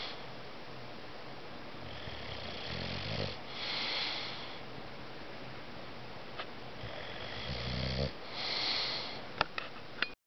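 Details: Dozer snoring while napping: two long rattling snores with a whistling edge on each breath, then a few sharp clicks.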